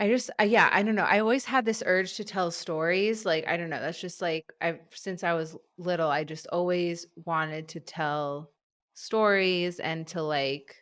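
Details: An adult who stutters; stuttering.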